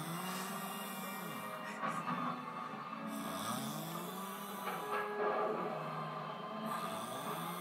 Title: Do this snore sound like a chainsaw or a bear